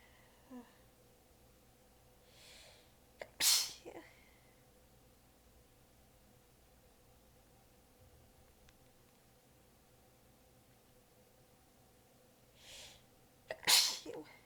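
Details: Two sneezes, each after a soft in-breath, with quiet breathing between; the person was exhausted with sore abs and partly holding them back during a massive, tired fit. Sneezing fit.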